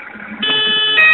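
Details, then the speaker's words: High airway pressure alarm of an AS 2000 anesthesia machine ventilator during a pre-use check, limit lowered to 10 cmH2O: a steady, high-pitched electronic tone that starts abruptly and holds. "baje la alarma de alta presión en la vía aérea a 10 centímetros de agua debe sonar la alarma"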